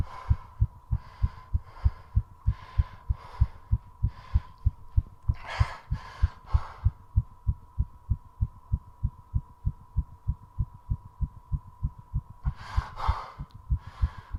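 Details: Post-exercise tachycardia in recovery after 3:30 minutes of squats: rapid, regular heartbeat with bursts of heavy breathing and two short breath-holds.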